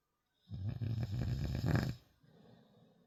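A single deep, rattling snore lasting about one and a half seconds, then a soft out-breath; typical snoring.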